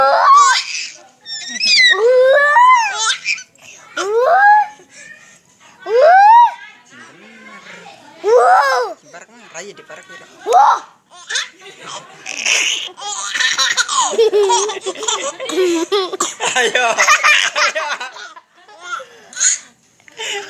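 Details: Baby laughing so hard it brings on coughing: high squealing belly laughs breaking into rough, noisy cough-like bursts.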